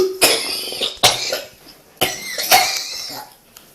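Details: Hospitalized patient, 2013, with cough syncope, having 30–50 episodes a day: a coughing fit of four harsh, forceful coughs in quick succession preceding fainting.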